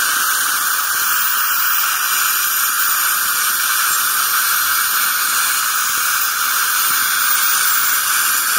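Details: Ultrasonic scaler removing plaque and tartar during routine dental scaling: steady high-pitched hiss with water spray.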